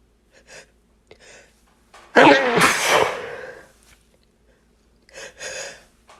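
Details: Several stuck, held-back sneezes after dusting, suppressed to stay quiet late at night: small sharp muffled bursts and one louder sneeze with a trailing breath in a quiet room; stifled sneezes.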